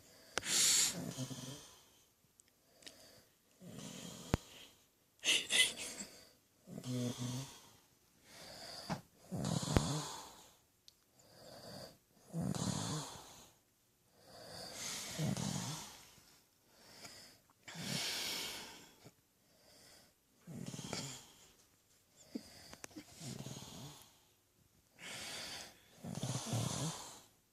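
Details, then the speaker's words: Man who denies snoring: loud, rattling snores with each breath, about thirteen to fourteen cycles. "No, he doesn't snore at all. Or try to kill himself with pillows."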